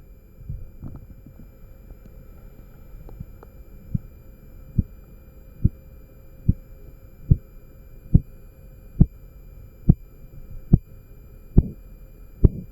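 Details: Korotkoff sounds recorded with a MAX9814 microphone amplifier: regular sharp tapping pulse sounds, about 71 a minute, beginning and growing louder.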